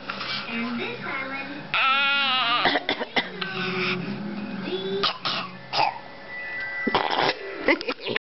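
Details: A young child gives several short, sharp coughs and a throat clear between bits of voice, with music in the background; a plain cough.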